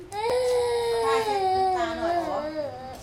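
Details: Baby crying, recorded December 19, 2008: one sustained, loud wailing cry with pitch sliding slowly downward over about three seconds; ordinary infant crying.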